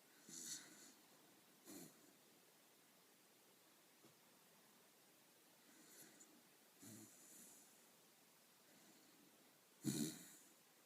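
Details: Jack Russell terrier dog snoring: quiet short snuffling and snorting breaths at irregular intervals, with one louder snort near the end.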